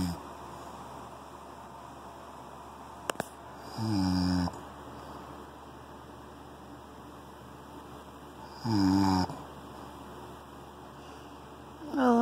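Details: A sleeping pet, whose worried owner calls its breathing erratic, makes loud rumbling snores at uneven intervals, about 13 a minute, with quiet gaps between: snoring.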